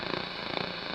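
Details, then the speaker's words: Simulated tinnitus of the crackling type: a steady crackling, sizzling hiss with faint irregular pops. "on dit qu'on a les oreilles qui sifflent mais pas toujours exactement le cas ça peut être un sifflement donc mais ça peut aussi être un bourdonnement grésillement"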